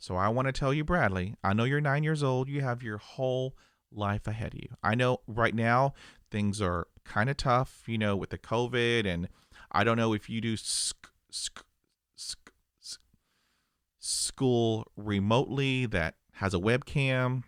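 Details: Adult who stutters, real stuttering.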